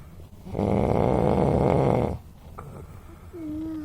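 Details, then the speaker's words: Loud snoring from a person sleeping at home: one loud, low, rattling snore lasting about one and a half seconds, then quiet breathing. "তারপরে এই যে ঘুমাচ্ছে আর কি জোরে জোরে নাক ডাকছে তো দেখো নাক ডাকাটা একটু তোমাদেরকে শোনাচ্ছি"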